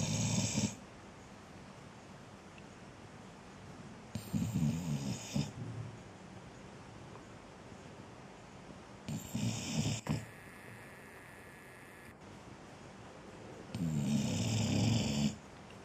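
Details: Snoring, possibly linked to being hot (the owner asks whether others snore when hot): low rattling snores every four to five seconds, about 13 a minute, over steady room hiss.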